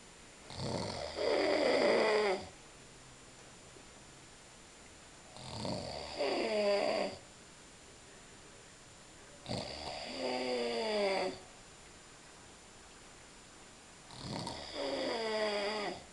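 Loud, rough snores about every four to five seconds, each a long rattling inbreath, roughly 13 breaths a minute, in a quiet room.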